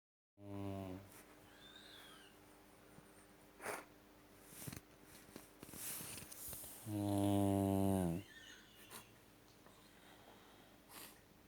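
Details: Dog snoring: two low, buzzing, rattly snores several seconds apart from a sleeping dog, with quiet room noise between them.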